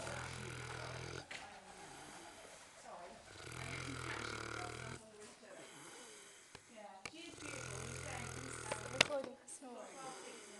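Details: Lazy female farm pig sleeping: low, rumbling snore-like breaths with snorts and small noises between them; snoring.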